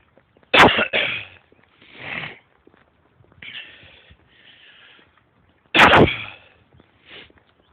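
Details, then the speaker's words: Adult walking fast outdoors while congested and short of breath: two abrupt, loud coughing bouts with softer breathy sounds between. "I'm sure you heard the coughing. If it sounds like I'm short of breath, it's because I'm congested, so it's kind of hard to breathe."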